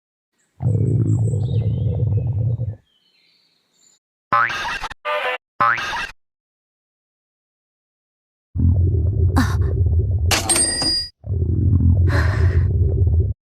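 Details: Low rumbling gurgles with short squelchy bursts, from a stomach growling compilation; stomach growling (borborygmi).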